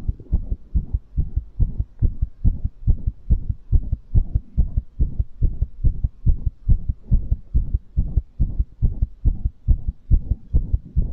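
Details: ASMR recording of a fast heartbeat after exercise: tachycardia following physical exertion.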